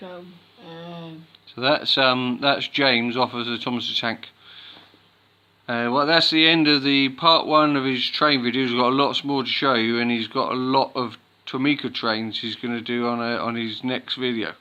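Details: Adult speaker; ordinary speech.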